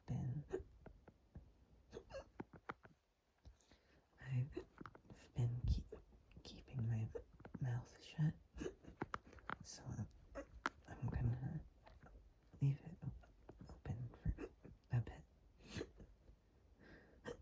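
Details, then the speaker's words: Hiccups induced by drinking lots of water; the bloated, tight stomach makes them quieter. Quiet, repeated short jolts and catches of breath every second or two, with faint body and room noise. "Anyway, focus and be silent for a little bit. Well, as silent as I can be with hiccups."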